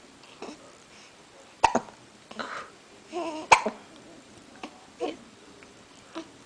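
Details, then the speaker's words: Awake 3-week-old baby girl weighing 8 lb 12 oz, with hiccups again: sharp, sudden hiccup clicks, two prominent, among soft baby babbling. Infant hiccups. "have the hiccups again look at us and our cute little pink socks"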